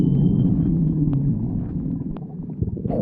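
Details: Low, continuous rumbling and gurgling of a growling stomach; normal bowel sounds (borborygmi).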